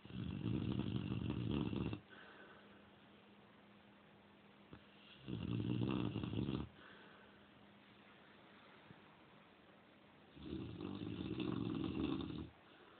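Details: Cane Corso dog snoring loudly, as she does almost every night: loud, deep, rattling snores, three in the stretch, about every five seconds, with quiet breathing between.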